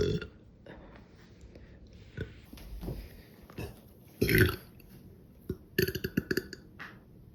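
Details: Several loud, low, throaty deliberate burps from a person who says they were very drunk, the biggest near the middle and a rapid run near the end, with room noise between.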